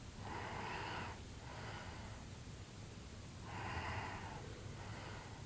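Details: Soft, breathy, rasping breaths in slow pairs, about two cycles in five seconds, over steady room noise, during an afternoon nap after a tiring morning outdoors; light snoring.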